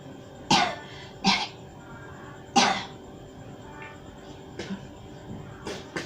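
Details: Several short, wet coughs with throat clearing at irregular intervals during a gurah (traditional respiratory cleansing) therapy session for a hard-to-heal cough, mouth opened to expel mucus; productive cough.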